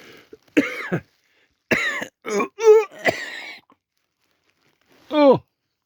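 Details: Adult with a head cold and stuffed-up nose, recorded on a Samsung Galaxy A40 phone, gives several harsh, wet coughs with gag-like retching but no vomiting: chesty cough with gagging.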